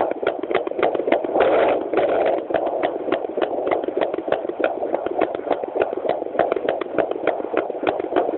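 Rapid, regular whooshing Doppler pulses of unborn puppy hearts, about 200-240 beats a minute, normal for pups.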